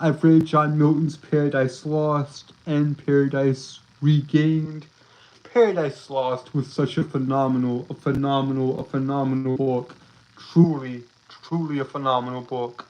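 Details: Male streamer with a self-reported speech impediment that makes him stutter and trip over his words; stuttering with phrase and word repetitions.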